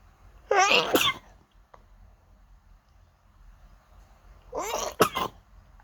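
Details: Sneezing on waking with an itchy nose: two loud sneezes a few seconds apart, each a quick in-breath and a sharp burst, separated by near silence.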